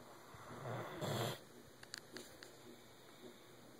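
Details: Doberman dog snoring: one loud, rough, rumbling snore, then quiet breathing with a few small clicks over a steady background hum.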